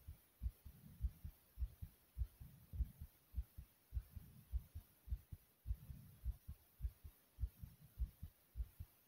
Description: My heart was pounding hard from inside my chest like , comment, subscribe and enjoy #heartbeat #pumping #subscribe